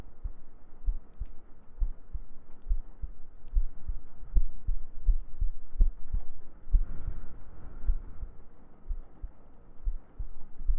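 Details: ASMR sleep-aid heartbeat recording with gentle breathing and humming: steady soft low thumps about 80 beats a minute, a regular heartbeat, faint hum behind.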